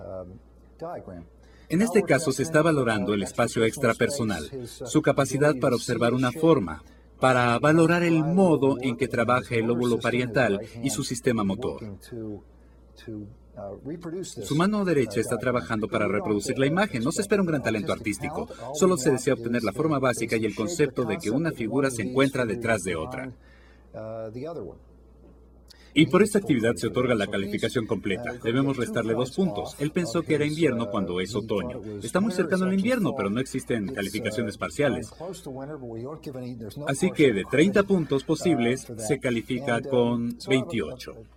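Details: Adult male narrator speaking Spanish; normal speech.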